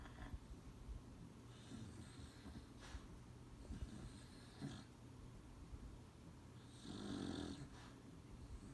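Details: Soft, rough snorting breaths repeat over several seconds against low room noise; a sleeping Beagle snoring.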